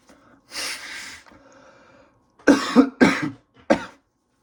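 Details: Adult with an itchy nose after a day working with plywood and sawdust, after showering: a long breathy burst, then three short, sharp explosive sneezes close together.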